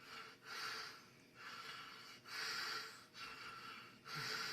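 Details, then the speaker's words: Obstructive sleep apnea in a sleeping man, chest straining against a closed throat with no air sounds, then partial waking: loud noisy gasping and snorting breaths, about four in a few seconds, as breathing resumes. "there's no air sounds all of a sudden they'll wake up a little and gas"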